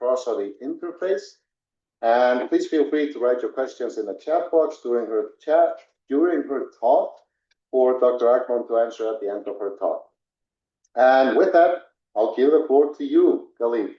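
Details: Adult speaker; normal speech.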